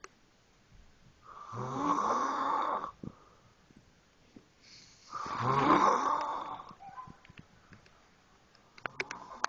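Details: Snoring.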